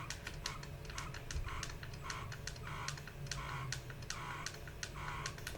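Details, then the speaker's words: Wearable breast pump (Lacevo S70) in stimulation mode at level 12: quick, regular, fast-rhythm suction pulses with a soft mechanical hum. "Goes to 12. Still pretty quick, even though it's at level 12 to me. So I do, faster rhythm."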